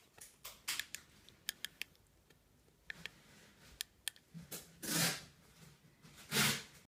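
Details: Irregular sharp clicks and scraping grinding sounds, with a few louder rasping bursts, in a quiet room: teeth grinding (bruxism) in a Maine Coon cat.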